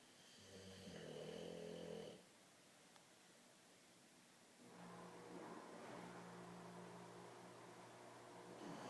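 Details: Dog snoozing: two rough, buzzing snores, a loud one then a longer one, with quiet breathing between, in a small room; ordinary snoring.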